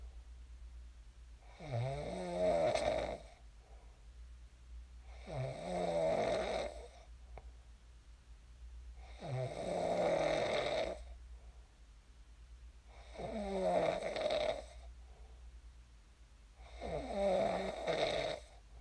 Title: [코 고는 소리 ASMR] 잘 골고 일어났습니다. I snored well and woke up.